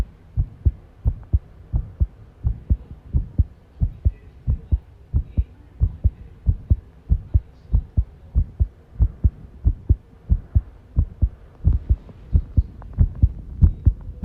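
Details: Heart sounds recorded while tidying a room, arrhythmia noted: low thumps at roughly 90 a minute with uneven spacing between beats; irregular heart rhythm.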